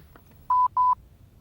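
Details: Medtronic Lifepak CR Plus automated external defibrillator (AED) opened during routine inspection: two short, steady electronic beeps in quiet surroundings as it powers on.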